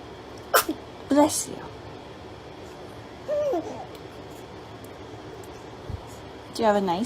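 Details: Brief, sharp, high-pitched infant sneezes over steady room noise, with an adult voice briefly heard.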